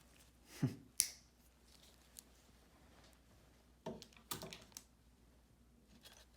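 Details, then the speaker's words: Severe ingrown toenail treated at a chiropody foot clinic after the patient's own cutting attempts, with granulation tissue present: several sharp snipping clicks in a quiet room as nail nippers cut the thick nail. "So here you can see where he's tried to cut, and then tried to cut, and there's all that. Now it's time to cut the nail."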